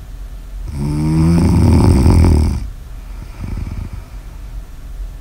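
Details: Snoring in an ASMR sleep recording: one loud, low, rattling snore on the in-breath, followed by a softer breath out.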